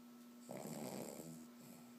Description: I caught my dog snoring while sleeping lol.